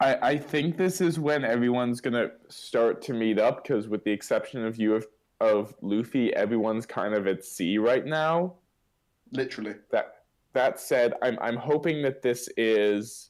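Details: Adult male speaker; normal speech.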